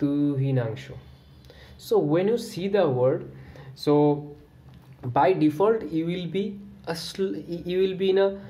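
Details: Real adult man with stuttering (stammering) since childhood, speaking on the exhale after diaphragmatic breathing as a self-devised management technique; stuttering.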